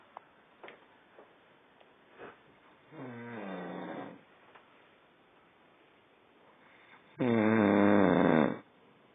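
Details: Two drawn-out, buzzing, tonal snores over a quiet room, the second much louder, from a sleeper found on going to bed; snoring during sleep.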